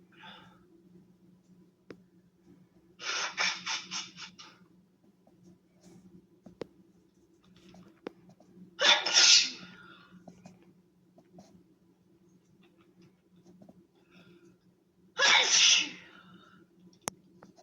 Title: woman sneezing with her tank top